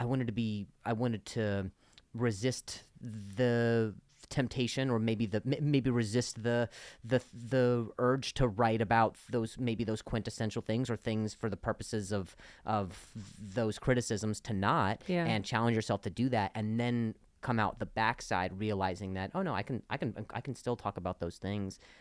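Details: Stuttering in an adult male comedian with a known speech impediment, heard as word and phrase repetitions in podcast conversation.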